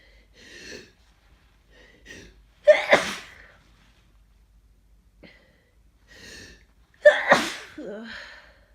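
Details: Two forceful sneezes, each preceded by soft catching breaths, with a congested, scratchy quality, during a head cold; sneezes felt scratchy on the throat.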